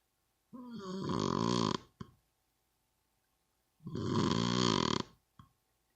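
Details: Two loud, rattling snores on breathing in, each followed by a short puff out; snoring.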